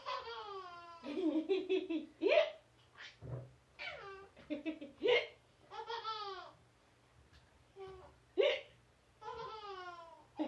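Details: An adult mother gives three sharp, abrupt hiccups about three seconds apart while her infant giggles in the gaps; ordinary hiccups, recorded 8.13.13.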